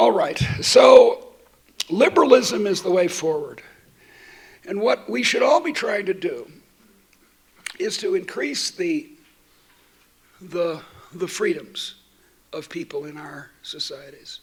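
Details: Adult woman who states she stutters, giving a keynote talk while she also has a terrible cold; repetitions heard; stuttering.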